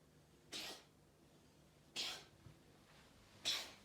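Three short hissing sneezes about 1.5 seconds apart from a cat, in a quiet room.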